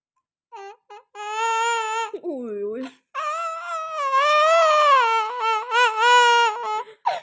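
High-pitched, rising and falling infant wails in several bursts, with a brief sob between them; an ordinary baby cry.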